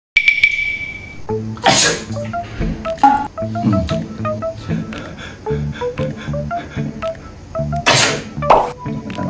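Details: Father deliberately fake-sneezing to see his baby daughter's reaction: two loud, deliberate sneezes over background music.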